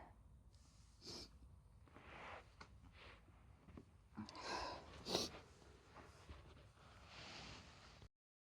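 Quiet room with a few short, forceful bursts of air, the loudest pair close together, fitting a run of sneezes.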